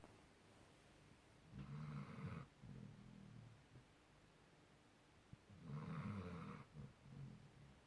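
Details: Snoring from a sleeping dog on a bed, human-like: loud, rumbling snores over two breath cycles about four seconds apart, each a harsh inhale followed by a softer exhale.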